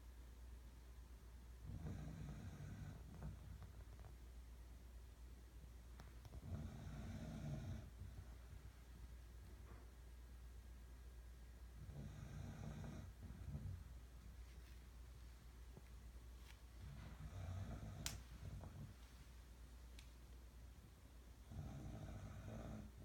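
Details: Sleeping pet in a quiet room, described as tired: soft, low rumbling snores with each breath, about every four to five seconds; ordinary snoring.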